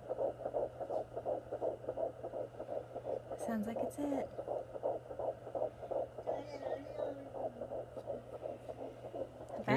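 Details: Fetal heartbeat heard for the first time on a home Doppler, with rapid, rhythmic whooshing pulses at about 140 beats a minute, briefly lost and found again as the baby moves.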